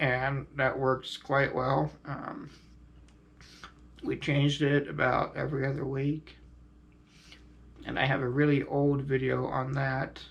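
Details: Adult male quadriplegic with high-level spinal cord injury, using a ventilator and diaphragm pacemaker via tracheostomy button, which irritate his throat; uses neck muscles for extra air to speak louder; finding: ventilator-dependent speech with tracheostomy.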